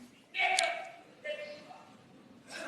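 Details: Vocal tic: a real audience member with Tourette syndrome shouting out during an awards ceremony, interrupting the presenters.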